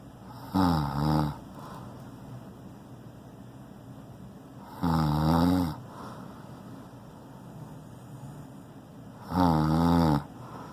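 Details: Adult man snoring loudly while asleep: loud, low rattling snores with each breath, about 13 a minute, separated by quiet exhalations.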